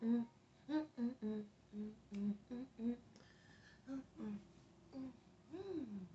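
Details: Adult woman having a tic attack with new tics: short, abrupt hummed and voiced sounds repeating irregularly, about 28 a minute, in a quiet room; vocal tics.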